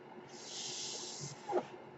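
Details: Podcaster's own ventilator audible in the background while they speak; mechanical ventilator noise.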